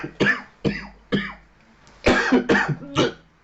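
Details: Coughing after eating very hot chili that burns the whole mouth and brings tears: six sharp, harsh coughs, three spaced apart, then a tighter run of three.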